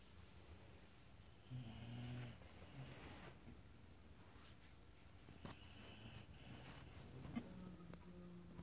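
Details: Bronco, described as a family member who sleeps beside the owners' bed, snoring repeatedly.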